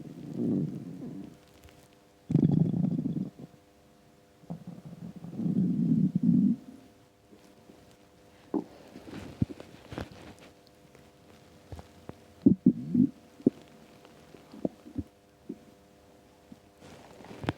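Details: Low gurgling stomach rumbles in several long bursts, then shorter bubbling pops; borborygmi on an empty stomach, a normal finding.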